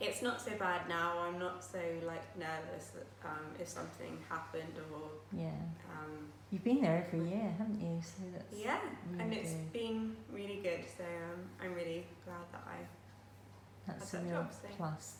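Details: Aphasia in a young woman (about 28) after a stroke 10 years earlier at age 18; speech and reading remain difficult.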